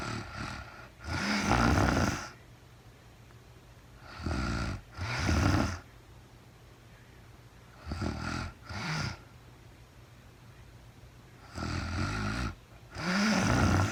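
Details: Real-time recording of a sleeping woman who was very tired: regular rough snoring in doubled bursts, about 16 breaths a minute, with quiet room sound between; snoring during sleep.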